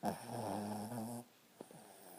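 A single low, rattling snore from a sleeping dog in a quiet small room, then a soft breath.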